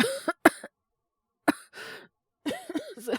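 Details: Acted cough by a male voice actor playing a young man with a cold and slight fever (36.9°C): several short harsh cough bursts with brief pauses, then a strained voiced cough; simulated.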